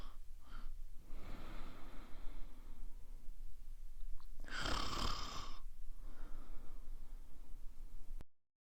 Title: Woman Snoring Sound Effect